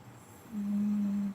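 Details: A steady, thin whistling tone lasting under a second over quiet room noise, heard while the speaker is in a camper; nasal whistling snore.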